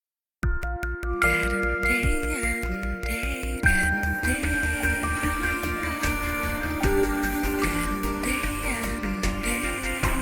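Bright, full-range electronic music with crisp treble and steady loudness: a simulated reference for how music sounds with normal hearing at age 20.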